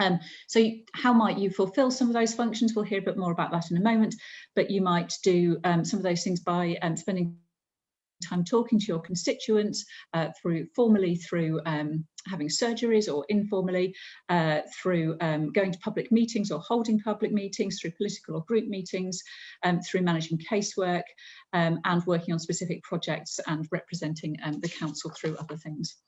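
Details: Adult woman speaking; Normal voice.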